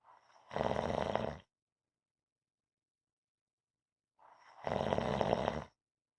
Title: Rhythmic snoring audio